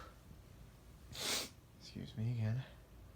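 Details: A quick bit of sneezing, title marked (m): a brief, muffled sneeze burst, then a short voiced sound, against faint room noise.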